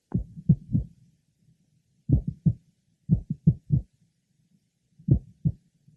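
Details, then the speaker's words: Mitral valve prolapse heard at the apex; irregular heart sounds with a single mid-systolic click and frequent premature beats. "our next patient has a single midsystolic click frequent premature beats are present as they are in a number of patients having mitral prolapse"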